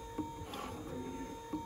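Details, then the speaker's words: Bag-valve emergency ventilator (cam-driven "raft pump" prototype, piston on BVM with mask) cycling very fast: steady motor hum with a knocking stroke about every 1.3 seconds, voltage raised from 12 to about 46 breaths per minute. "Anyway, so this is running at 12 breaths per minute, and so now we'll increase the voltage."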